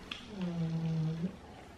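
A single drawn-out, low, buzzy, humming breath of about one second in a quiet room: a snore from a sleeping dog.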